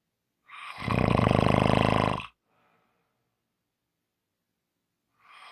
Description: Today is a short Audio, Friday's long snoring audio.